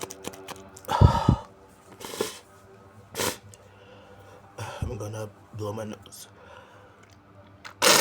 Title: muffled big sneezes & wet sniffles